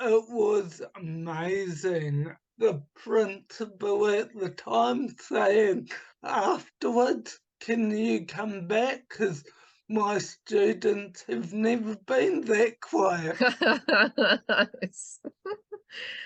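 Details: Adult man with cerebral palsy from oxygen starvation at birth, affecting his right hand and speech; speech has improved but is not back to normal; he also recovered from chronic fatigue syndrome and chronic pain; dysarthria (cerebral palsy).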